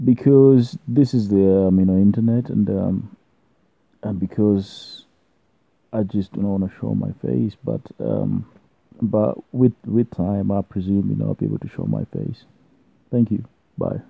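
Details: Stuttering (stammering) in an adult man, present since birth, partly controlled with self-learned fluency techniques.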